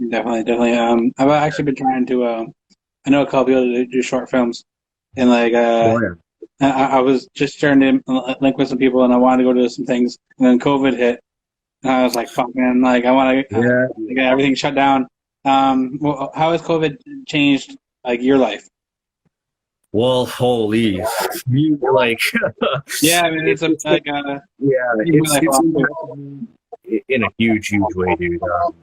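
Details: Adult male host who says he has a stutter and stutters in his interviews all the time; stuttering.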